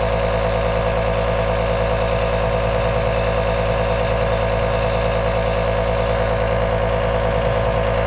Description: Enjoy 10 hour aerosol nebulizer sound.